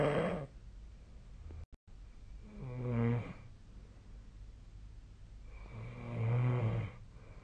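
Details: Snoring recorded during sleep: two loud, buzzing snores about three seconds apart with quiet breathing between, around 18 breaths a minute; snoring during sleep.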